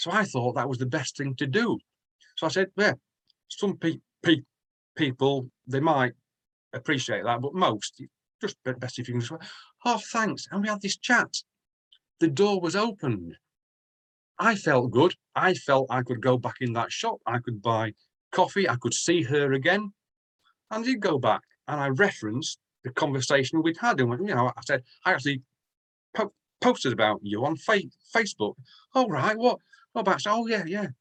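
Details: Stuttering (stammering) in an adult UK male; more severe in the past and still present at times, with blocks, repetitions and eyes closing or looking down; word repetitions in this clip.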